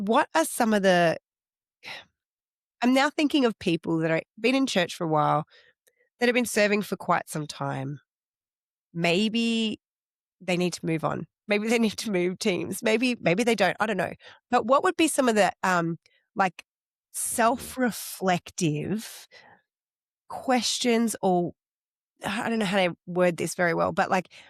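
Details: Adult woman; normal speech.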